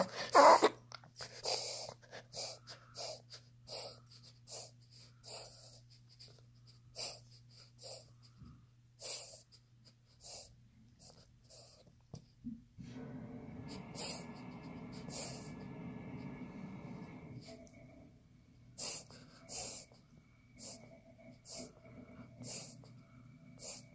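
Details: A dog's reverse sneeze, confirmed by the vet from this recording: rapid, repeated snorting inhalations through the nose.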